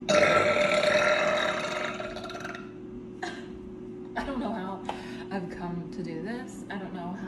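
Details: Woman: one long, loud drawn-out belch, then talking with a steady background hum; a single prolonged burp.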